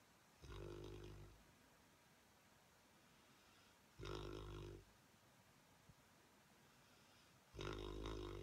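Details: Hugo, a 4-year-old, snoring loudly enough to disturb television watching: snoring.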